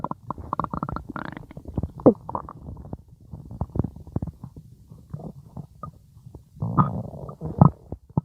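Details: Ordinary stomach growling (borborygmi): irregular low gurgles, rumbles and squeaks from a person's belly.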